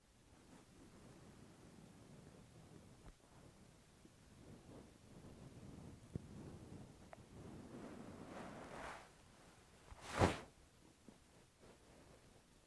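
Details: Stomach making noises nonstop for over five minutes: low, continuous gurgling and rumbling bowel sounds, with a louder gurgle and a sharp pop near the end.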